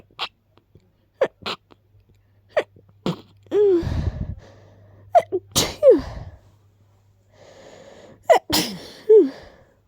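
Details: Several sharp sneezes with quick sniffs and breaths between, stuffy-sounding, from someone who is a little sick with a very stuffy nose.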